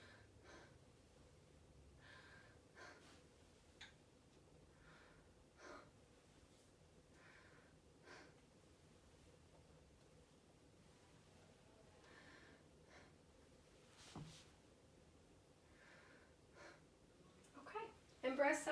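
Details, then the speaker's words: Soft, regular deep breaths in a quiet room, heard by stethoscope over the anterior chest during a proficiency exam. Normal breath sounds with no secretions or added sounds. "sound great anteriorly I again don't know any abnormal breath sounds or hear any secretions as you breathe"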